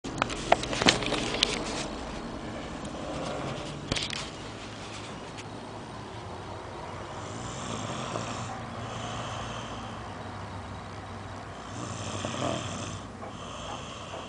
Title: snoring